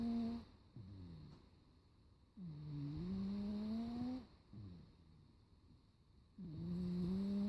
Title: Kitty daytime snoring